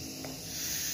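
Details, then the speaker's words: Gnatus dental unit handpiece: steady hiss of air output used to clean tartar. "keluaran angin untuk membersihkan karang karang gigi"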